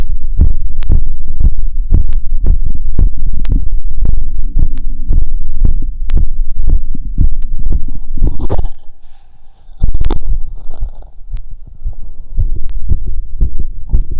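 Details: Stethoscope auscultation after a 2 km run at the pulmonic, aortic, Erb's point, Botkin and stomach sites: fast, regular heart thumps about 120/min; normal heart sounds raised by exercise.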